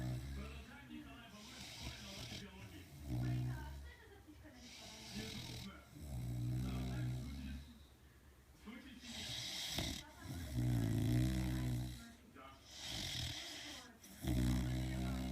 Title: Dogs snoring